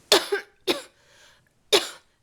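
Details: Three sharp, loose coughs in a small quiet room from an adult who is still sick with a cold-like illness and was diagnosed by a doctor with a left ear infection the day before.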